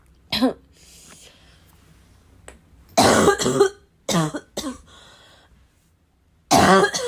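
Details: Adult with a bad, persistent cough described as a little wheezy, a little chesty and barking: several harsh chesty coughs and throat clears with quiet pauses, snorting in between; cough.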